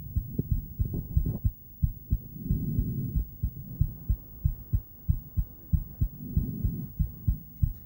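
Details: Heartbeat of a female recorded with an ultrasonic Doppler device during breathplay: regular low thumping about 94 beats a minute with periodic whooshing swells.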